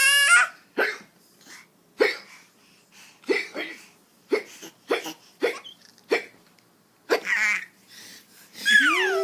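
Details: A baby's short, sharp hiccups repeating about ten times at roughly one-second intervals, with babbling squeals at the start and end while a parent talks to the baby.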